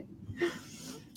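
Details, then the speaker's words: Female dog lying resting beside owner, described as a very loud snorer: a single snorting, rattly snore in a quiet room. "you could probably hear my dog store and can you hear my dog snores she snores really loud and she's laying here next to me super loud dog"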